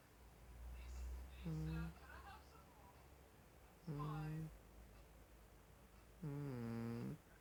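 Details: A sleeping cat snoring: three slow, low, buzzing breath noises a few seconds apart over a steady low hum.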